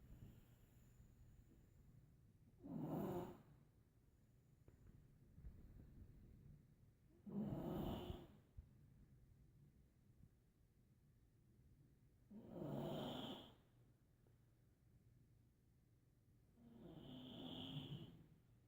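Four slow, rough snoring breaths about every five seconds, roughly 12 a minute, with quiet between them; steady ordinary snoring.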